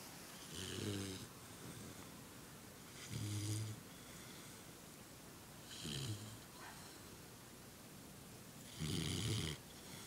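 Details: Four rhythmic low, fluttering snores about every three seconds, with hissing breaths between, roughly 20 breaths a minute, from a young female almost 3 months old asleep on shoes; snoring.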